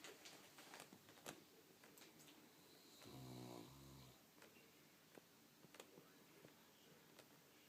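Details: Sleeping St. Bernard dog: a single low, rattling snore of about a second rising from quiet room noise with faint clicks; ordinary snoring.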